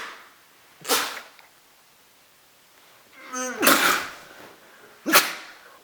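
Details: Sneeze attack: three sharp explosive sneezes, the middle one preceded by a voiced intake.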